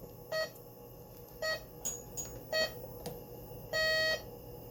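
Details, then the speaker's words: Vapotherm high-flow nasal cannula unit with water-filled circuit in a respiratory therapy training demonstration: four short electronic beeps, the last longer, over quiet room noise, signalling while warming up until ready; a normal prompt. "and then if you want it back on press it again it will continue to beep"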